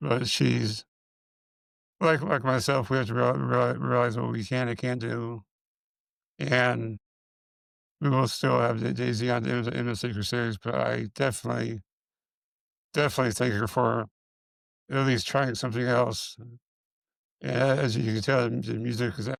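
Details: Man with multiple system atrophy, parkinsonian type (MSA-P), who reports his speech has more of a stutter and tremor, more noticeable after the first two minutes; dysarthria in MSA-P.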